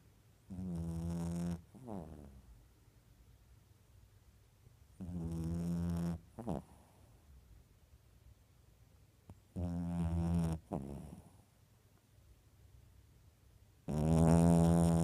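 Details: Snoring: loud, low, rattling snores on each breath, about 16 breaths a minute, with quiet pauses between.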